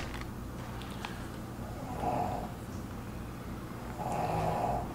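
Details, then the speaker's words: Soft, rasping snores from a resting pet in the background, two breaths a few seconds apart, faint beneath low room noise; ordinary snoring. "well now we are going to try the limited edition as you can hear rockefeller snoring in the background"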